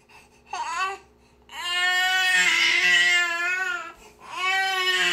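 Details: Infant niece crying nonstop: loud, sustained wailing cries broken by brief catches of breath, in a small room; ordinary infant crying.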